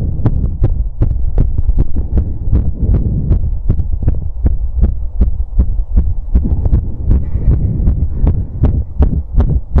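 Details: Visible apical heartbeat recorded with sound while pressing on the chest after outdoor exercise: fast, forceful thumps near 140 per minute under low rumbling noise, a normal quickened post-exercise heartbeat.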